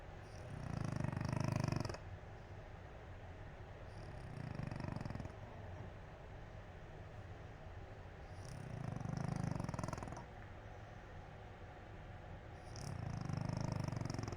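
Four slow, low rumbling snores, roughly every four seconds, about 15 breaths a minute; a cat snoring, harmless.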